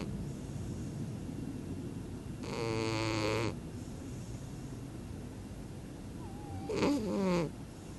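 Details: Sleeping cat snoring again: two buzzing, nasal snores several seconds apart over steady room noise.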